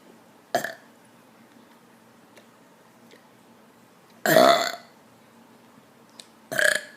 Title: BURPS!!!! AGAIN!!!! BUDDY!!!!